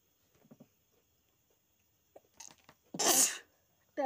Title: Sneezing- part-2 /Sneezing paper/ Sneezing challenge/